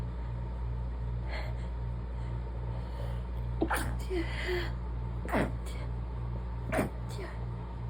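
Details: Allergy fit, too short of air to stifle properly: several rapid, desperate, barely stifled muffled sneezes with sharp catches of breath, over a steady engine-like hum.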